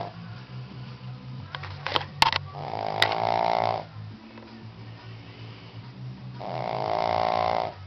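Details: 11-year-old female Shih Tzu snoring loudly: long, rattling snorts on the in-breath alternating with quieter rumbling stretches; soft music in the background.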